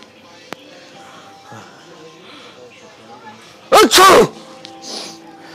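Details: Deliberately exaggerated prank sneeze: a single loud, forceful sneeze bursts out over quiet room noise and background music, followed by apology about a "monster sneeze"; staged obnoxious sneezing.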